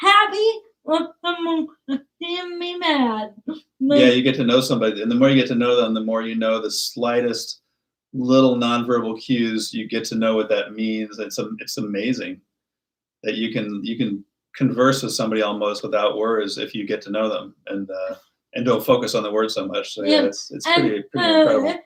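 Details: Adult man speaking; typical speech.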